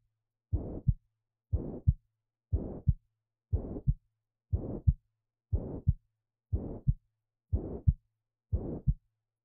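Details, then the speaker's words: Mitral regurgitation: high-pitched blowing holosystolic murmur filling all of systole from S1 to S2, regular rhythm at 60 a minute, best heard at the apex (fifth intercostal space, midclavicular line), may radiate to the left axilla. "so we say that mitral regurg is a holosystolic murmur it occurs throughout systole"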